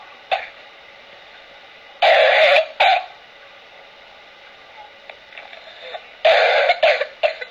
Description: Whooping cough without the 'whoop" in an infant